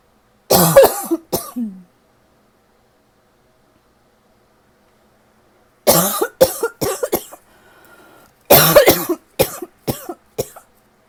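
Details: A dry, tickly, irritative cough that the person thinks is starting to improve: three bouts of about twelve harsh coughs separated by quiet pauses.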